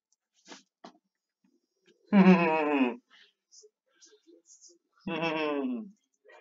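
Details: German-speaking gamer with Tourette syndrome producing noises during a gameplay recording; vocal tics (Tourette syndrome).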